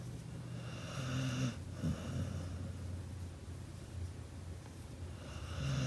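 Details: Pit bull dog snoring: low, rumbling snoring breaths with a brief snort, over steady background noise.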